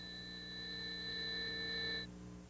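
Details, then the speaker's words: Simulated tinnitus from a 1986 hearing-protection PSA about loud-noise damage: steady high-pitched ringing tones over a low hum, stopping abruptly. "some sounds can get stuck inside your head how they can grow and gets louder yes most Americans choose not to hear what tinnitus now they hear it all the time"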